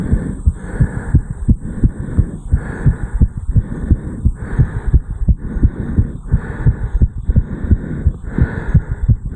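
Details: 34-year-old male, recorded over the mitral area right after jogging up a flight of stairs: strong, quick, regular heartbeats with heavy breathing behind them, sinus tachycardia after exercise.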